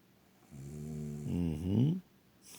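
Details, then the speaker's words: Woman, the filmer's wife, asleep in bed: one long, rough, rattling breath of about 1.5 seconds, rising in pitch at the end, in a quiet room; snoring. "Olha aí pessoal compartil este vídeo com outras pessoas e sorria com alguém roncando ao teu lado"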